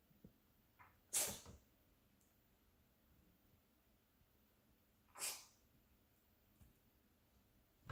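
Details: A cat that seems to make herself cough: two sharp, hissing expulsive bursts about four seconds apart with faint snorts between, in a quiet room.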